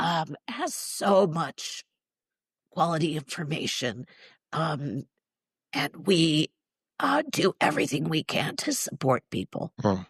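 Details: Spasmodic dysphonia, neurological (basal ganglia), with essential tremor, in a woman in her mid-60s treated with Botox injections to the vocal cords; weak voice, especially disrupting vowels.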